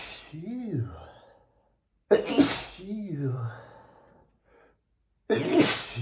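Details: Male sneezing, from 100+ sneezes recorded on the same day: two sharp, explosive sneezes, each after a quick drawn-in breath, with a voiced sigh between them.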